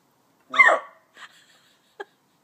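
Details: Person with hiccups: one loud voiced gulping catch, then two softer sharp catches; hiccups.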